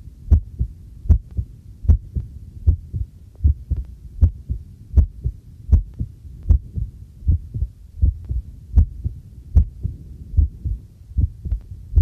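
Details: Own heartbeat, recorded on the first trial of a new homemade field stethoscope microphone during housework: regular low beats at about 77 per minute, with faint household clatter and tap water running behind; a normal heartbeat.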